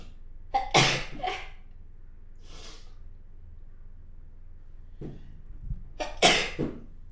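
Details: Sneezing by a person with long-standing rhinitis and house-dust allergy, who mentions a strong cooling sensation in the nose.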